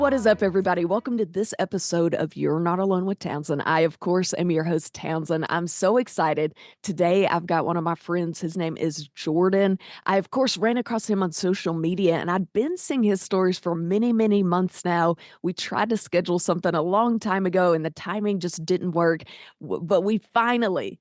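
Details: Adult male speaker; Normal fluent speech.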